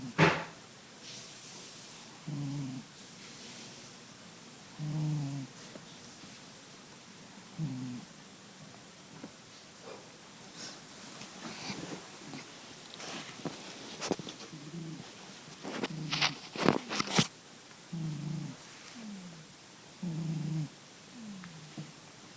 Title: My cat snoring.